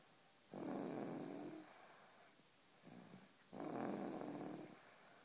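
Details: Two long, rough, rasping inhalations with a softer breath between, from a small sleeping animal; snoring.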